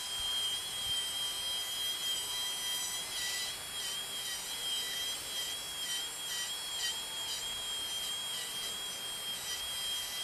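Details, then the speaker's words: Cadaver Draf III frontal sinus drillout (outside-inside technique): a steady high-pitched drill whine with brief pitch changes as it bites, widening the frontal sinus laterally by removing frontal process of maxilla bone; surgical drill in use. "Lally you can drill till you reach the skin give Sal wash wash in fact if you have a micro de you can just simply trim off this thing"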